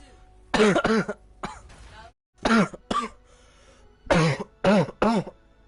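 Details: Hard coughing: about eight forceful, harsh, voiced, throaty cough bursts in short clusters with pauses between.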